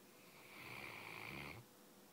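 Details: A 3-year-old mastiff snoring during an afternoon nap: a single hissing, whistling snore lasting about a second and a half against room noise.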